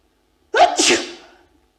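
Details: Adult female in a 1999 photography studio project, provoked to sneeze and left alone trying to suppress it: quick indrawn 'ah' then a forceful voiced burst that fades; single sneeze.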